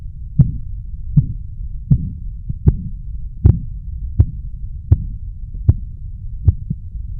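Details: Korotkoff sounds, the sound you should hear while taking blood pressure, best heard with earphones.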